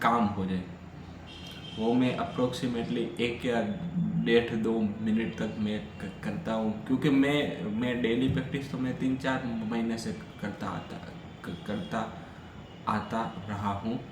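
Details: Adult man who stammers, speaking Hindi on day 7 of a daily fluency practice routine; he reports stammering on the phone earlier that day; stuttering.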